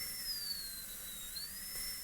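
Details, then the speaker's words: High-speed dental handpiece deepening the wall height of a maxillary molar DO Class II prep in a live teaching demo: a steady high-pitched whine whose pitch dips briefly under load and recovers. "now let's see the Wall height here still a little bit short so I'm going to go a little deeper"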